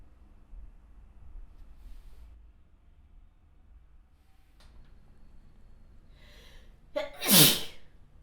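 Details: In a quiet room, a brief catching inhale, then one sharp, forceful sneeze near the end.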